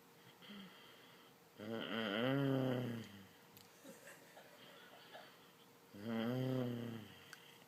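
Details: A mother snoring while asleep, two loud buzzing tonal snores about four seconds apart with quiet pauses between, who reportedly answers questions: typical snoring.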